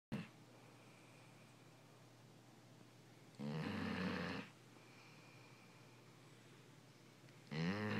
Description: My yellow lab is LOUD when she's sleeping! She won't make a sound all day, but she makes up for it all night long!